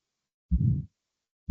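A low, rough murmur blends into the heart sound, fitting the systolic ejection murmur of aortic stenosis.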